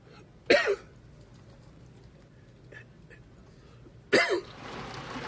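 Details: Two short, harsh acted coughs with a throat-clearing quality, a few seconds apart, over quiet room noise; an imitated cough in a comedy sketch about a coworker who is always sick.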